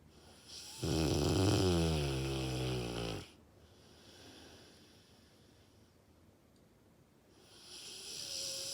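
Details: Senior Dogue de Bordeaux (French Mastiff) diagnosed with dilated cardiomyopathy, doing well on medication, snoring while sleeping: one long, loud, fluttering snore, then quieter breathing with faint hissing noise.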